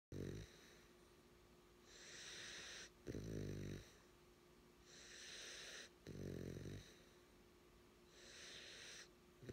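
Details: 9-week-old, 25 lb sleeping puppy: loud rattling snores on each in-breath alternating with hissing out-breaths, about 20 breaths a minute; snoring.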